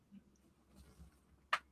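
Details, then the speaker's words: Adult deliberately cracking his knees without limbering up, live on camera: single sharp crack in a quiet room as the knee bends; knee joint cracking (crepitus). "Should we try the knee cracking again? >> Yeah, let's see if I didn't hear it last time. >> Everyone was very disappointed the knees didn't crack."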